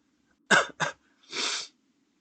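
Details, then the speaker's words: Three short, harsh bursts of an adult cough: two quick sharp coughs and a longer, breathier third, in a quiet room. "Sorry about that if you can hear me coughing and shit."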